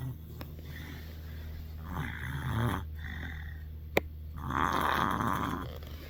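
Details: Snoring in bed at night, keeping the listener awake; snoring.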